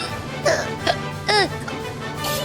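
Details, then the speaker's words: Woman streamer hiccuping despite drinking water: three short voiced hiccup yelps about half a second apart over background music, hiccups lasting about 45 seconds before stopping. "oh no I have a hiccup Jesus oh God okay I drank water okay I think it should work oh God it didn't work"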